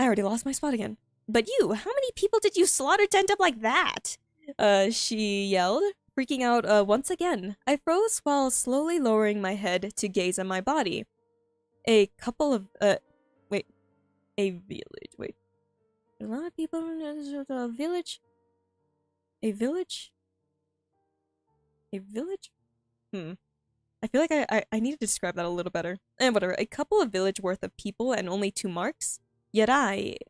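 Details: Streamer with self-reported frequent stuttering, reading aloud their own story, which they find difficult; repeated phrases, word repetitions and restarts; stuttering.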